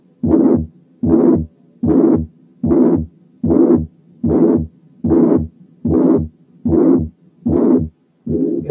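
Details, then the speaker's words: Mitral regurgitation heard with the stethoscope at the apex (mitral area): regular heart sounds near 75 a minute, each systole filled by a long blowing pansystolic murmur. "نبتدي أولا بالميترال أريا. حطينا سماعة على الإيبكس وسمعنا السيستوليك مامر زي دي."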